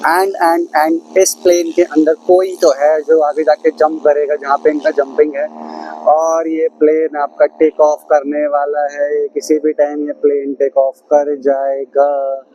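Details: Stuttering with word repetitions in a male Hindi-speaking vlogger who calls himself a stammering speaker.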